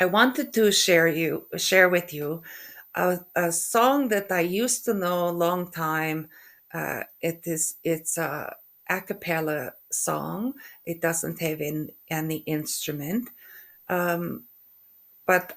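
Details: Woman with aphasia after a stroke, also with functional neurological disorder; halting speech with hesitation between words, mixing up words and some stuttering; aphasia.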